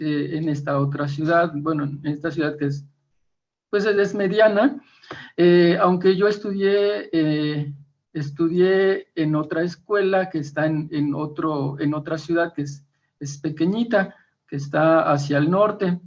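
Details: Stuttering in a male first-time participant from Argentina at a stuttering practice group, giving a deliberately unprepared presentation because he reports current problems with his spontaneous speech.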